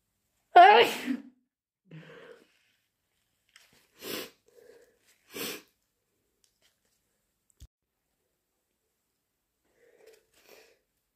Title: More big induced allergy sneezes